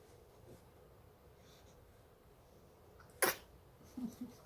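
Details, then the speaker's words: Dog named Mia sneezing: a single sharp, explosive burst of air through the nose followed by soft snuffles. "Bless you, huh?"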